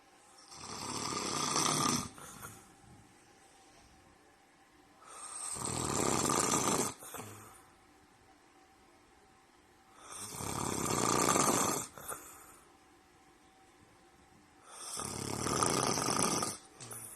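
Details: Adult man (boyfriend) snoring too loudly: regular loud rasping snores on each inhalation, about 13 breaths a minute, quiet exhalations between; snoring.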